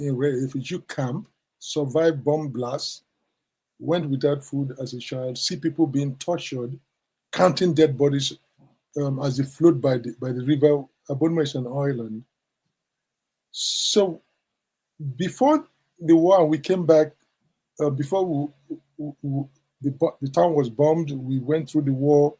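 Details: Adult man with stammering he attributes to childhood trauma of the Biafran war, starting around age six to seven; he says it is sometimes endurable, sometimes not; stuttering.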